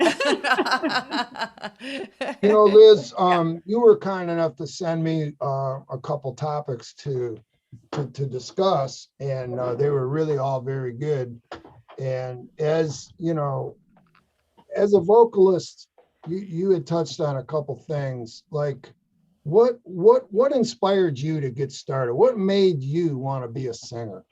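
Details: Adult male speaker; Normal speech.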